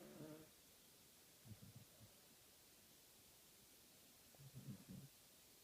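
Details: Two soft, low rumbling snores a few seconds apart from a sleeping animal over steady room hiss: snoring.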